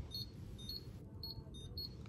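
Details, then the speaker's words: Two dental apex locators, Morita Root ZX II and Sybron Apex ID, connected at once during a working-length comparison: high-pitched electronic beeps from both at a similar steady rate, faint steady tone, room noise; apex locator beeping. "if you really want to get crazy and put two apex locators on at the same time the two happens they go into like defibrillation oh it's a little crazier the Morita is not happy and I think the cybron one is winning"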